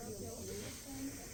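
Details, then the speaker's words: Steady hissing and low whooshing from a suction machine switched on to regular and turned up, tested before tracheostomy suctioning and care for a patient having difficulty breathing. "so I'm going to go ahead and make sure our suction works so I'll turn it on the regular and I'll Crank It Up to let's go"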